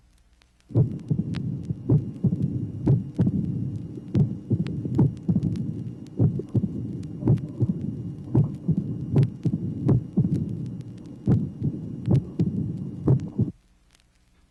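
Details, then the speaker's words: Mitral stenosis complicated by atrial fibrillation and pulmonary hypertension, from a 1967 vinyl teaching record: irregular heartbeat with a loud first sound, an opening snap and a diastolic rumble of variable intensity. "tracing number 26 illustrates a loud first sound an opening snap and a diastolic rumble of variable intensity"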